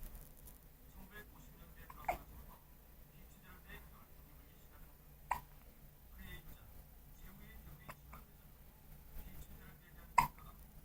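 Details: Hiccups after a sneeze: three sharp, brief hiccup sounds a few seconds apart, with soft background talk.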